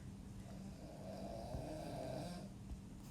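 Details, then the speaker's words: Dog snoring during a math lesson recording: a single drawn-out, low, soft, steady rumbling snore against quiet room noise; ordinary snoring. "your x-axis and that's the dog if you hear the snoring he snores like a girl"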